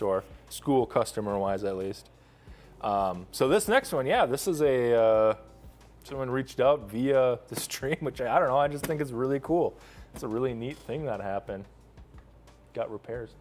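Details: Adult man speaking; normal speech.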